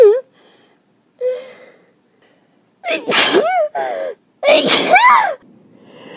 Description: sneezing in the morning from the pollen, I hate the end of summer.